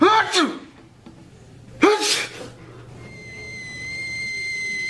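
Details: Two acted sneezes in a public-service-announcement film, each a rising voiced intake and a sharp burst, followed by a steady electronic tone.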